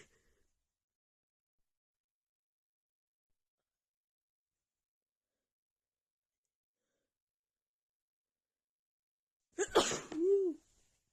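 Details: Woman deliberately sneezing loudly into a handkerchief on request, describing the sneezes as very tickly and strong; long silence, then one forceful, muffled sneeze with a voiced ending.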